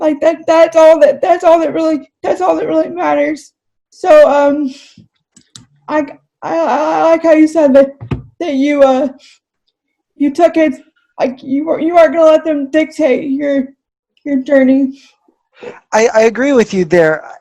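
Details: Adult woman with cerebral palsy, a wheelchair user, who says speaking takes her a lot of effort and that others have commented on her voice; dysarthria in cerebral palsy.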